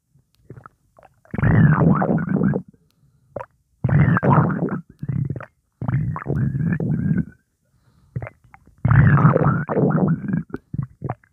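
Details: Stomach gurgling after drinking Coca-Cola: four bursts of low bubbling, gurgling rumbles with brief pauses; borborygmi.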